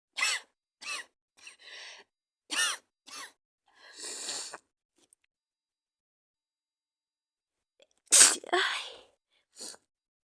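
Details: Person with a bad cold and fever, sneezing and coughing in a cuddling roleplay: several short, sharp, hissing sneezes with breathy catches and sniffles between them, then a louder explosive sneeze.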